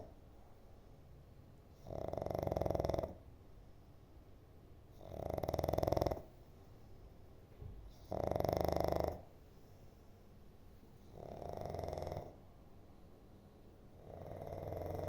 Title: how I snore! ha ha ha